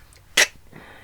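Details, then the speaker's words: Deliberately imitated, pretend sneeze, not a real one: a single short, sharp, hissing sneeze-like burst in a quiet room; simulated sneezing. "that was the sneeze it's just pretend not for will not for will just pretend yeah that was the sneeze"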